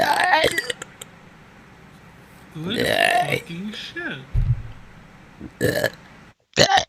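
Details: Burping from a VTuber during a stream, from a burp compilation: several loud, drawn-out voiced burps with short pauses between them; ordinary belching.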